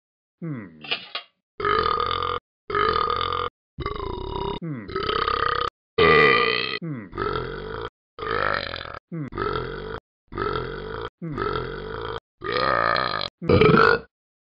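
A long run of about a dozen loud, drawn-out burps with short pauses between them; repeated belching.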